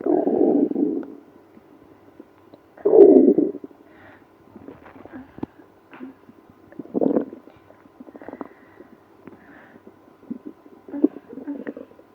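Bursts of gurgling and rumbling with quieter bubbling between: loud stomach growling in a person with irritable bowel syndrome.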